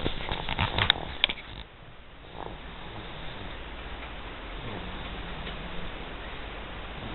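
Brief clattering noise, then a low, drawn-out groaning snore with a moaning rise in pitch, heard as snoring.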